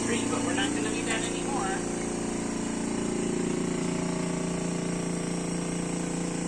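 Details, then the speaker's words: Airway suctioning of a child with gunky breathing, oxygen saturation rising from 93 to 97–98% and heart rate falling afterwards: steady loud suction-machine drone with brief wet gurgling as secretions are drawn out. "are you talking raven are you talking how you feel she needs suctioning oh my goodness"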